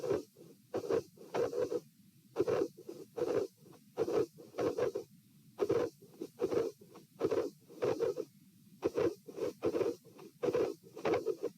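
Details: Patient with dilated aortic root, heart sounds recorded at position P while lying, sitting and standing (66-72 bpm): irregular rhythm, midsystolic murmur and a recurring extra sound around the second heart sound.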